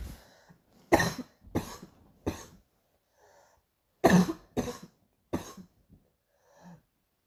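Two bursts of three harsh coughs each, separated by quiet pauses with faint breaths; a recurring morning coughing episode.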